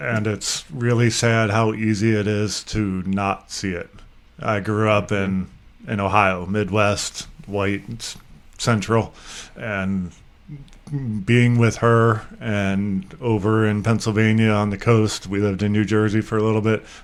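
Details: Adult male speaker; typical speech.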